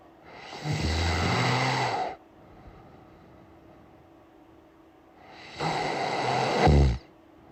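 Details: Two long, loud, rumbling snores on breathing in, separated by several seconds of quiet breathing out; ordinary snoring.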